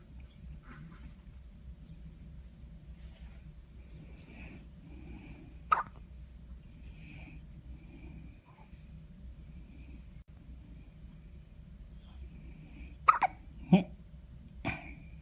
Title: New born niece hiccup